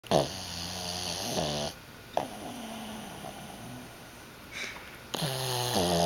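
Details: Pug snoring in sleep: low, droning, whistly snores with long quiet breathing gaps between them, over faint room noise; owner remarks on sleep apnea.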